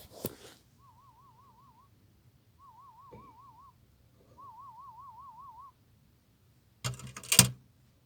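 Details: Sound-field play audiometry on a deaf girl with a cochlear implant, who puts a toy down each time she hears a sound: three separate warbling test tones in a quiet room, brief handling noises between them.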